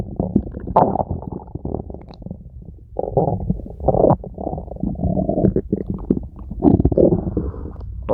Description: stomach growls while in her very cute style!